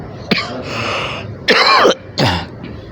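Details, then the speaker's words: Adult man giving a few short throat-clearing coughs during a mosque sermon, room noise behind; he apologizes that his voice keeps coughing. "mohon maaf suara saya agak batuk terus mudah-mudahan bisa jelas didengar jelas Pak"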